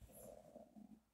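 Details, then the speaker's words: Brief low bubbling gurgle with irregular watery bursts from an adult woman's stomach just after lunch, with chronic diarrhea, opiate-related constipation, rectal bleeding and a family history of Crohn's (not diagnosed): bowel sounds. "I just ate lunch and my stomach is gargling I hope you guys will hear it it's just been on and off gargling after a eight"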